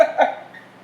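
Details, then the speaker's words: Two quick, short coughs from an adult teacher with a cold caught from schoolchildren, voice hoarse, light room noise after. "They stand over me and cough and sneeze. So now I sound like this."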